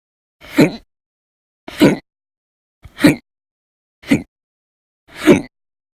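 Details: Five short, abrupt voiced gulps separated by silence, about 49 a minute, somewhat irregular; persistent violent, very loud hiccup episodes lasting hours, recorded November 2019; hiccups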